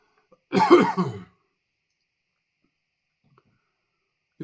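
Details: Ongoing cough, a short burst of two or three harsh coughs then silence, attributed to inhaled chili dust while eating a freeze-dried spicy ice cream sandwich in an eating challenge; also sneezing.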